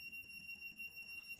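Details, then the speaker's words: Steady high-pitched electronic beep from a Woodpecker Fi-P cordless gutta-percha obturation pen, set at 200 and reaching operating temperature; its audible operating beep. "one other little uh thing I want to show you is notice how you can hear the sound of the beeping"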